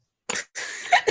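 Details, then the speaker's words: Adult with a sore throat, deep hoarse voice and chest cough during a weather change: a short, harsh cough then a longer rough, noisy breath out; cough. "I'll take this little sore throat and this little chest cough, because that cough was real. Thought I had asthma."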